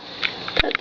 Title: Pug sound asleep, snoring, & sprawled out on top of owner...